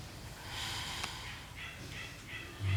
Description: This is literally one minute of Angi the pig snoring, as she does.